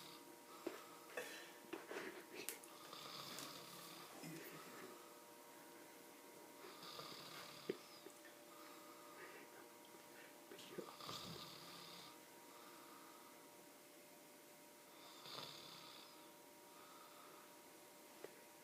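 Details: Soft, raspy snoring breaths recurring about every 4 seconds (around 15 a minute) over a steady room hum; snoring.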